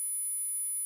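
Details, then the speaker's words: Simulated high-frequency tinnitus: a steady, very high-pitched pure tone over faint hiss, used to demo masking with a bright summer ambience of crickets. "if I want to to mask tinnitus which is high frequency so I need to use a song that is very bright in the following example the sound of the tinnitus disappears in a summer Ambience with crickets"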